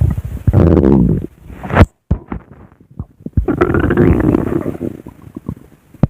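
Low gurgling, rumbling stomach sounds in long rolling stretches with a brief quiet gap; ordinary stomach growling.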